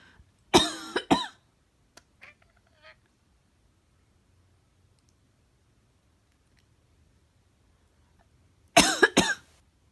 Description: My black cat, Yoshi, aka Flapso, talks/chatters after I sneeze or cough.